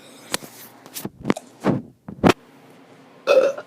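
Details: Several short, throaty, deliberate burps from a child, some louder and drawn out, with quiet pauses between; a normal sound.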